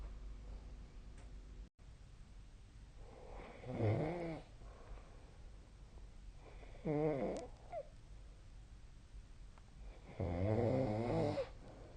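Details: Snoring during sleep, recorded with a snoring-tracking app: rattling, vibrating snores on breathing in, about three in twelve seconds, with quiet room noise between them.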